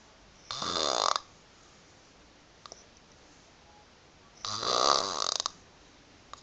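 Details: Chronic snoring in a female with loose "fish lips": two loud fluttering snores about four seconds apart, rattling like vibrating lips, roughly 15 breaths a minute during sleep.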